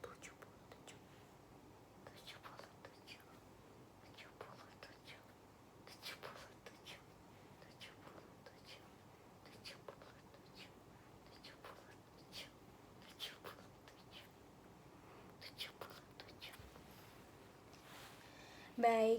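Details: Physical exam of an adult with difficulty breathing, whispered pectoriloquy test: repeated soft whispers of 'seventy-seven', faint and indistinct, as in a normal result.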